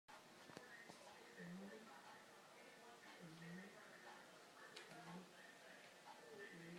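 Short musical, whistling tones recur with each breath over noisy breathing, fitting wheeze.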